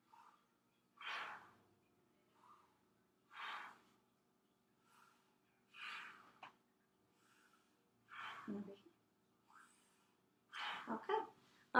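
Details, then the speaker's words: Normal breathing: patient asked to take a deep breath in and out while breath sounds are auscultated over the front of the chest during a medical assessment. "and then we're going to listen to your breath sounds take a deep breath in and out"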